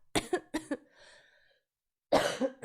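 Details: Coughing compilation of a 24-year-old streamer who says they cough a lot: about four short, sharp coughs in a quick cluster, a pause, then another harsh cough.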